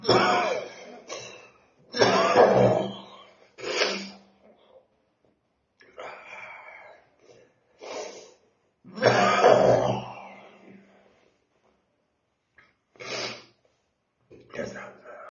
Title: Detener ataque de tos con simbología (Nivel Bosh)